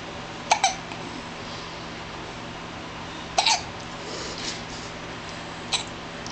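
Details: Baby about 4 weeks old with hiccups, not stopped even by a dog barking: three abrupt hiccups with a quick catch after each, every two to three seconds, over background hiss.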